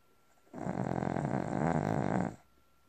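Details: One loud, rattling, fluttering snore lasting about two seconds from a sleeping dog; an ordinary harmless snore.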